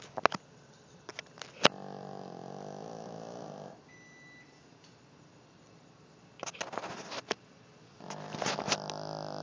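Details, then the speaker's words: Two drawn-out, buzzing snores several seconds apart with clicks and handling noise between; snoring in a deeply sleeping male dog. "This is the sound of a dog sleeping. Or a motorcycle, I'm not sure."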